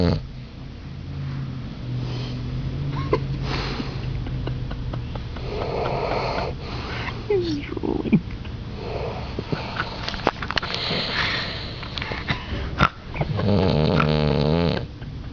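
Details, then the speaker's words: Low, rough snoring from a person asleep next to the recorder, with steady breathing noise over room background, getting louder; snoring. "They say if you move his thumb, he stops snoring. Oh, it's getting louder."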